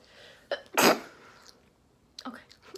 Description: 1st time trying pumpkin seeds and a cute funny sneeze